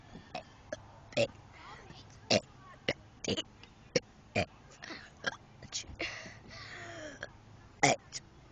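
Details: Girl burping the alphabet: about a dozen short, abrupt belches, several shaped into voiced letter-like sounds, with quiet pauses between; burping.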